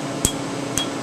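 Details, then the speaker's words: Candela TriVantage Q-switched 755 nm alexandrite laser, 2 mm spot, removing a name tattoo under topical anesthetic; two sharp snapping clicks over a steady hum; the snap is louder over untreated ink and fainter over already treated areas. "listen to the snap and the areas that have not been treated yet today and then you'll notice as if I try to go over an area that's been treated you don't hear the snap as much because the laser beam has already been absorbe"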